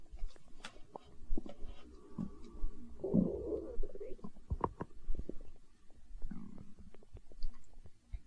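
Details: Hunger stomach growl recorded for ASMR: low gurgles and bubbly rumbles with small pops, ordinary borborygmi.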